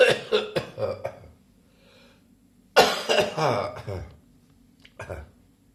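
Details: An adult is still coughing about three weeks after a chest infection: repeated bouts of short, harsh coughs, a lingering post-infectious cough.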